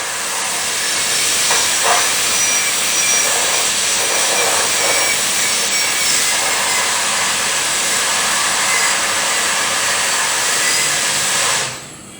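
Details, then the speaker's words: High-speed air turbine handpiece with bur removing dark decayed tooth structure to prepare a cavity for a composite filling: loud steady high-pitched drill whine with spray hiss, stopping at the end. "so we will use what is called an air try and piece which contains which is a high speed drill with a bur so when we run the bore you can see it it removes tooth structure"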